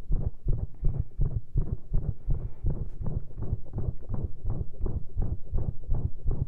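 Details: Stethoscope with lav mic on own chest after heavy caffeine intake, during a standing push into pressure: fast, loud heart thumps with an uneven rhythm and many skipped beats; premature ventricular contractions.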